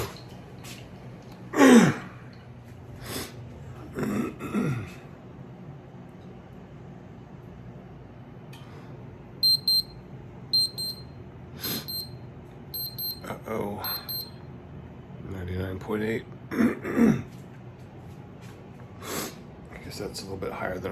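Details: Repeated short, high electronic beeps from a digital thermometer signalling reading complete, taken by a man on day 3 after COVID exposure with mild cough and fever, reading 99.8°F.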